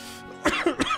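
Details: Adult streamer coughing during a live stream; cough.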